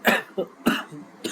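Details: Worsening cough over days despite doctor-prescribed medicines, with headache and slight breathing difficulty: three or four rough, forceful coughs close together.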